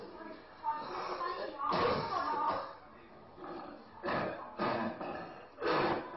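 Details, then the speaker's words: Teaching audio from a Chinese medicine listening-diagnosis lecture: weak, low, effortful coughing with little force; deficiency-type cough. "所以虚咳无力，声低，我们能听出患者在非常费力的来咳。"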